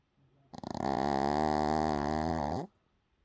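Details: Milo, a dog, snoring: a single loud, vibrating, rattly snore lasting about two seconds, with a fluttering buzz throughout.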